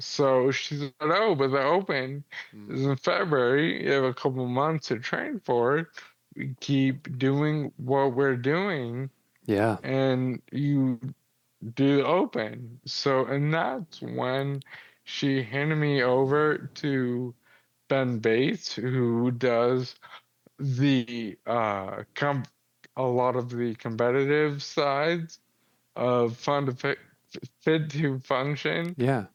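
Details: 35-year-old man with Friedreich's ataxia, a progressive inherited neurological disease diagnosed at 19 and affecting muscle coordination; it affects his jaw and tongue movement, noticeable since about age 33-34; wheelchair user; ataxic dysarthria.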